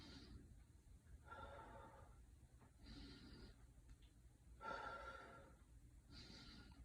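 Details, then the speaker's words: Normal breath sounds on auscultation during a head-to-toe assessment, starting at the apex: slow, deep mouth breaths in and out, smooth and unobstructed, with no wheezes or crackles. "okay so there is no wheezes there is no crackles"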